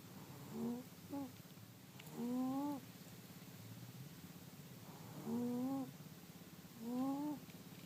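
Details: Snoring from Mimi, a cat asleep in front of a heater on a cold winter night: short, whistling, rising-pitched snores at irregular intervals over a faint steady purr-like rumble.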